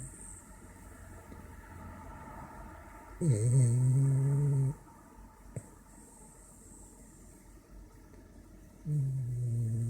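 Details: French bulldog snoring after eating and a shower: deep, loud, droning snores about 1.5 seconds long, repeating every five to six seconds over background hum.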